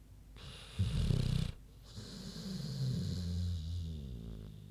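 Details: Rattling low snort then a long whistly, wavering breath from Queenie, a big pig, sleeping; normal pig snoring.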